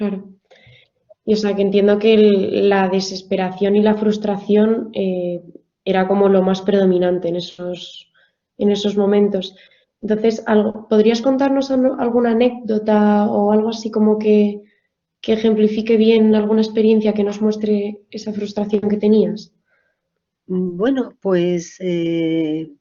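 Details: Adult woman speaking Spanish; normal speech.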